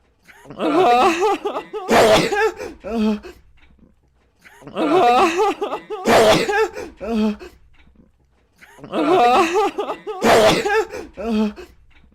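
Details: Three identical bouts, each a voiced wind-up then a sharp explosive burst, repeated as a loop; ordinary sneezing.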